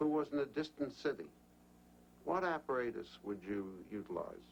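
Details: Adult male clinician; normal speech.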